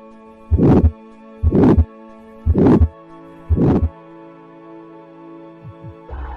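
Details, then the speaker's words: Aortic stenosis: harsh whooshing murmur, four regular beats near 58/min over soft music, heard at the second right intercostal space, right sternal border, from obstructed flow across a narrowed aortic valve. "obstruction of blood flow across the aortic valve during a s typically results in a heart murmur which can be detected by auscultating the heart over the second right intercostal space at the right sternal border"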